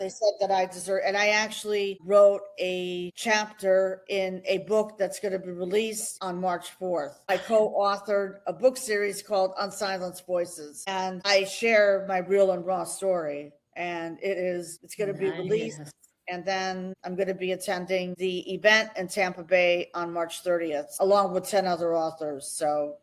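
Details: Adult woman speaking; normal speech.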